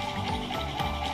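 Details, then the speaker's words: Purchased peristaltic infusion pump driven by a TB6612 motor driver on 5 V, pumping water between cups through silicone tubing: steady motor hum with faint rhythmic ticking of turning rollers, possibly music behind. "右の容器から水が吸い出されていきます。左の容器に水が出てきました。"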